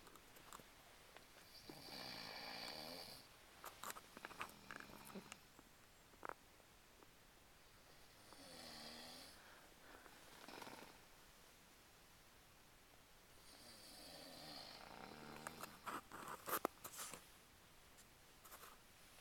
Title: Snoring Capture with Night Vision feel